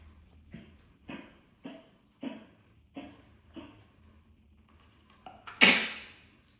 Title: Jimi Kimchi Burrito coughing, July 16, 2025